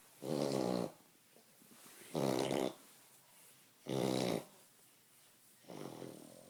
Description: Ricki my French bulldog reverse sneezing...poor girl :(